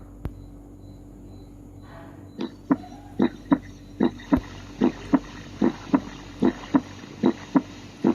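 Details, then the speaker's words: Stethoscope diaphragm auscultation at tricuspid (left ICS 3–5 near sternum) and mitral/apex (ICS 4, midclavicular) areas where S1 is loudest; regular lub-dub about 75 a minute; normal first heart sound (S1). "Auskultasi bunyi jantung 1 akan lebih terdengar pada area tricuspidalis dan mitral."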